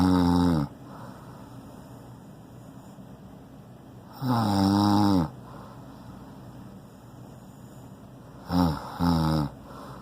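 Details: Man snoring loudly again during sleep: loud, rough, buzzing snores in long bursts with quiet breathing between; habitual snoring.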